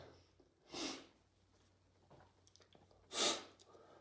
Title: Can’t stop sneezing these days !